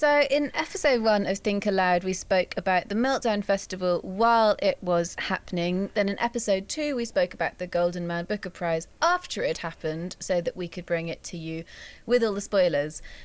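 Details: Adult woman speaking; normal speech.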